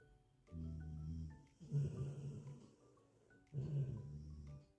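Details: A sleeping Labrador dog snoring: three low, rumbling breaths, each a rough, fluttering snore, with soft music in the background.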